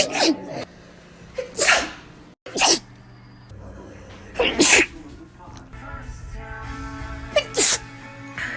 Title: TikTok Sneezing 44